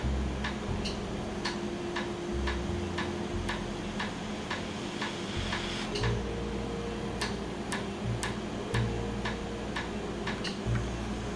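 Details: Laser tattoo removal session in Jamaica, after 30–45 minutes of numbing: steady sharp ticks about twice a second over a machine hum and soft tones, as the laser fires pulses on the tattoo. The patient says it feels like repeated injections.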